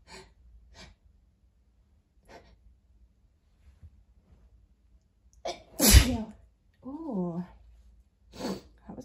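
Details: Person sneezing repeatedly after putting up a very dusty Christmas tree: a soft intake of breath, then one loud, forceful, wet sneeze, a brief voiced exhale and quiet breathing.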